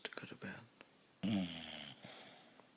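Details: Bulldog asleep lying on its owner: soft snuffling sounds, then a single loud, rattling, throaty inhaled snore; snoring.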